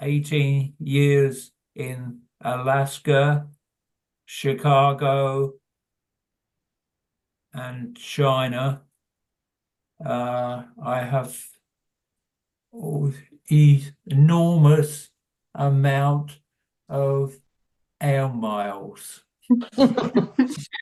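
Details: Adult man with primary progressive aphasia; hesitant speech; finding: primary progressive aphasia.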